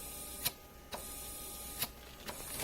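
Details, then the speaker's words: Neonatal transport isolette ventilator cycling: the patient's exhaled gas exits the system past a small offloading valve into the atmosphere. "certainly with the patient exhale is exiting the system and it's going past this little valve here."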